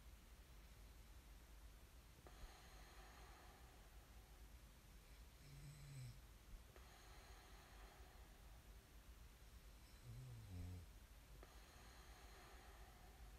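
Faint, low rumbling snores on slow breaths under steady background hiss.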